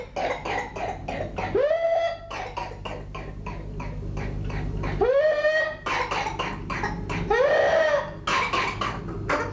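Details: Adult woman with a persistent cough for 3 months and whooping cough (pertussis) confirmed by blood test; rapid runs of short, harsh coughs, each followed by a high-pitched drawn-in whoop: paroxysms with inspiratory whoop.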